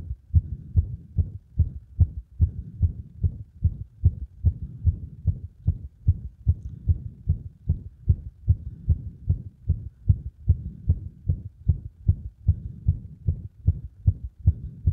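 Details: Rapid heart sounds at about 150 a minute with some beats out of step and frequent extra beats, frequent arrhythmia during cardiac compression; irregular heartbeat.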